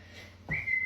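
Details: Person with Tourette's syndrome, a chronic whistler: one sudden, brief, high whistle breaking a quiet room; whistling vocal tic.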